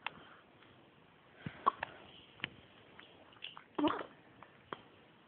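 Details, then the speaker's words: Hiccups in a 6-day-old infant, her second episode: soft, abrupt hiccup sounds recurring irregularly, about 28 a minute, with small infant noises in a quiet room. "You've got some hiccups, haven't you? It's the second time now you've had hiccups. Oh dear."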